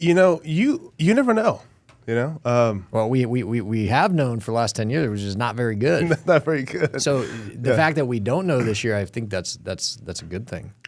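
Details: Adult male former professional football player with a really bad stutter since childhood, treated by a speech therapist as a child and still present now; stuttering.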